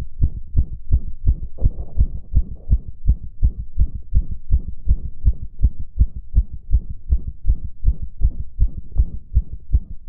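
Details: Adult male: rapid, regular, deep heart thumps at about 160 beats a minute; fast heartbeat, sinus tachycardia.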